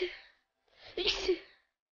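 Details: 15-year-old girl with persistent uncontrollable sneezing for about 10 days, undergoing hospital tests: a breathy intake followed by a forceful sneeze, part of a run of repeated sneezing.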